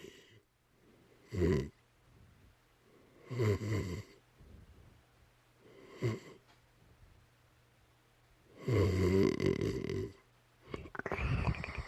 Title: loud snoring dog